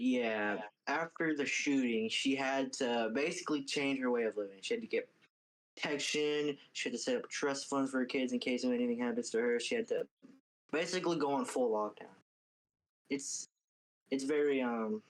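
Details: Adult man speaking; ordinary speech.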